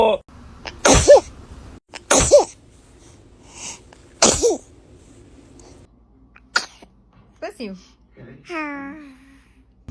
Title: These babies are so adorable when they sneeze